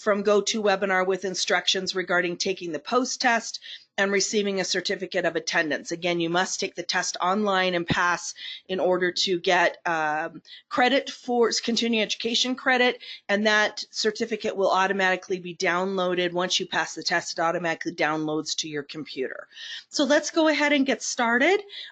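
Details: Adult woman speaking; Normal speech.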